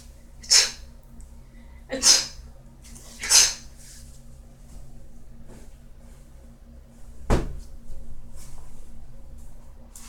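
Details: Person sneezing: a run of three short, sharp, hissing sneezes about 1.5 seconds apart, then a single click and quiet room noise.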